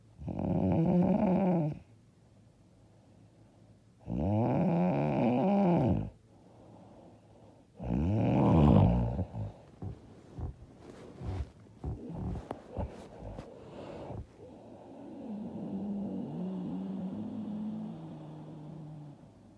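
Loud, rough, rattling snores on the in-breath, about three, then irregular snorting and softer breathing; heavy snoring during sleep.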